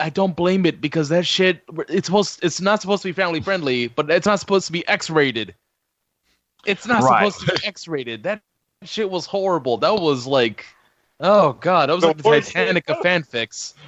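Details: Adult speaker; no speech disorder.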